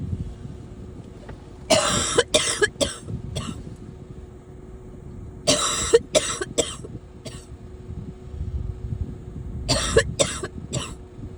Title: Some coughing